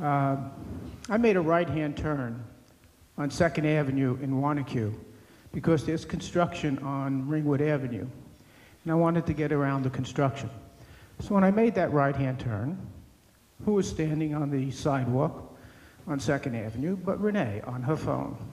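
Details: Adult man speaking; normal speech.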